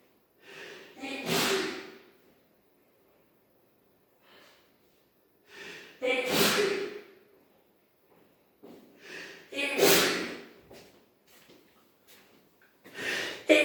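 Repeated sharp nasal bursts, each with a quick indrawn breath before it, in a quiet room: a run of sneezes or snorts.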